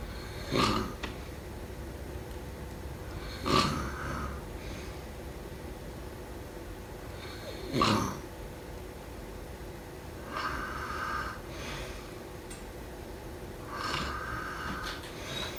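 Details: Repeated rough, snorting snoring breaths, some with a whistling hiss, about every three to four seconds during sleep.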